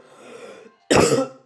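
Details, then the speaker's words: Adult who says they are sick, speaking French while playing a video game: soft throat clearing, then a single loud, harsh cough. "Alors, excusez-moi si vous entendez, si vous m'entendez tousser, c'est parce que je suis malade."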